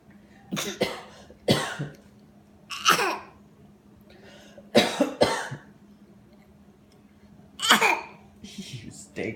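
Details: Several short, sharp cough bursts in quick pairs: a mother's real cough and her young child copying it, with faint room hum; cough.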